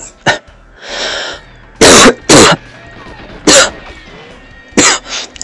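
Several short, harsh cough bursts with throat clearing, picked up by a distorted microphone; a plain adult cough.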